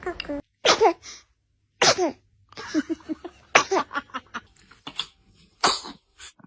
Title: Baby sneezes #trendingshorts #tiktok #shorts #shortsfeed